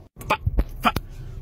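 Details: Involuntary vocal tics from an adult man with Tourette syndrome.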